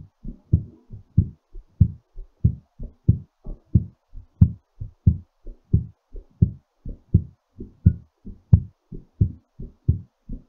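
Fast, strong two-part heartbeat at about 100 beats a minute, a normal heart rate still raised during recovery after exercise.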